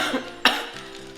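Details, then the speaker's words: Acted child's cough in a cough syrup advertisement, described as not stopping despite syrup: a single short, sharp dry cough over background music. "पिछले एक घंटे में मैं इसे 4 बाद cough syrup Lachung पर इसकी खांसी की रुकने का नाम ही नहीं ले रही"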